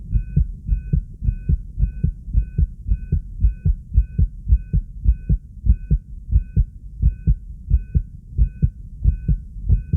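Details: Excited adult recorded with a 3-lead monitor: quick, steady lub-dub heartbeats, a normal heart rhythm sped up by excitement; normal heart sounds, fast rate.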